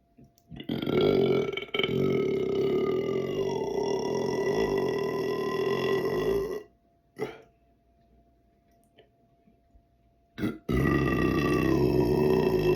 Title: Long Burp (Burp 127) #belching #burp #burping